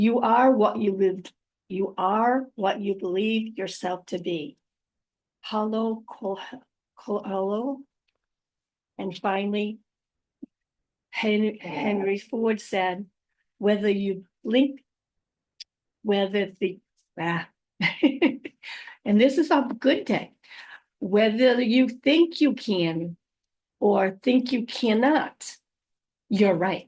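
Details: Adult woman with post-stroke aphasia and apraxia of speech, also dysarthria; unedited speech with mistakes, pauses and word trips, recorded on a good day, usually in the morning before fatigue.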